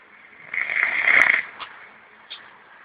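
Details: One long, rough, rasping snore followed by two faint snorts in a quiet room; snoring.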